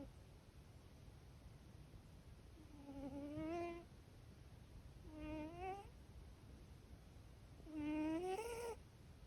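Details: Shae, a cat, snoring: three soft, rising, squeaky breaths over steady background hiss; a vet has checked her and found her fine.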